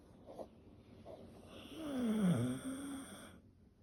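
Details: Single long, rattling, whistling snore with soft breaths before it from a sleeping dog; ordinary sleep snoring.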